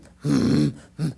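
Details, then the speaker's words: Voiced imitation of the murmur an elderly woman with aortic stenosis and atrial fibrillation would have: a harsh murmur with very irregular timing. Aortic stenosis murmur with atrial fibrillation, simulated. "if you ever hear atrial fib it's very irregular right a fib very irregular and if you're a little old lady with afib and aortic stenosis it sounds like this"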